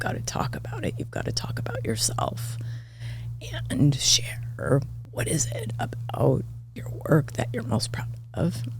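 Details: Adult woman with spasmodic dysphonia diagnosed this year, involving vocal cord spasms; she attributes it partly to voice overuse from podcast hosting and to stress, and it is occurring during this real recorded interview: spasmodic dysphonia.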